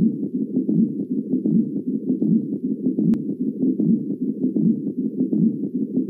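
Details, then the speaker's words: Patient with pericarditis, best heard at left lower sternal border at end-expiration, leaning forward or left lateral: rapid regular high-pitched scratchy, creaking sounds about 78 per minute: pericardial friction rub. "يعني انه نتيجه لهذا ح تصدر اصوات صرير او خشخشه عاليه النبره يريش ويسمع بشكل افضل عند حافه القص اليسر في نهايه الزفير"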